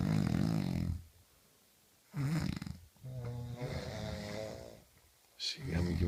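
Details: Two friends asleep nearby; loud rattling, low-pitched snores on breaths in, from more than one sleeper in a quiet room; ordinary snoring.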